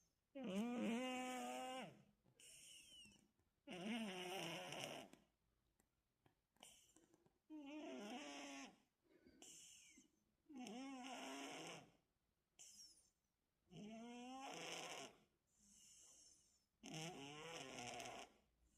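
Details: Sleeping cat's light snoring: whistling, squeaky breaths rising and falling in pitch with each breath.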